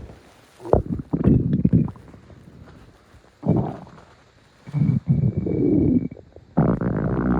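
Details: Ordinary stomach growling: low gurgling and rumbling bowel sounds in several bursts with squeaky, whining tones.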